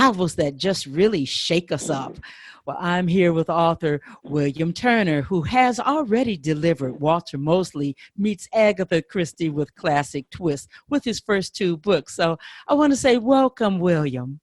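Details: Adult interviewer; normal speech.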